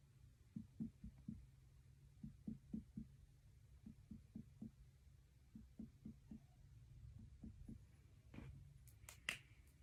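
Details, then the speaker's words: Student nurse percusses the abdomen to hear what it sounds like; normal liver span on percussion. "next I am going to percusser stomach just listen to what it sounds like"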